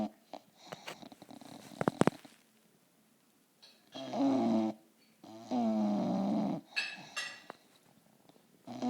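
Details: A sleeping bulldog snoring: loud, rattling snores on each breath from a flat-faced dog, separated by quiet pauses, with some room noise.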